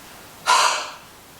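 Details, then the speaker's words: Huff (forced expiration technique) to clear phlegm: after breathing in through the nose for a count of 3, a single open-mouthed, O-shaped breathy huff of about half a second that moves mucus up toward the throat before coughing. "A huff is like when you're steaming up your bathroom mirror, and it's bringing that phlegm and mucus up your chest towards your throat, ready for you to cough out."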